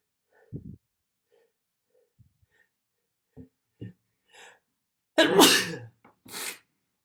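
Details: Soft breaths and sniffs build up to a loud explosive sneeze, then a smaller follow-up burst; an ordinary sneeze in a recording of sneezes and nose blows.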